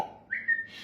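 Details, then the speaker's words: Brief, sudden, abrupt whistle, not part of a tune: a whistling vocal tic in a person with Tourette syndrome, a chronic whistler, ticking a lot after holding tics in for a while. "So, I am having I'm having I'm having a lot of ticks right now."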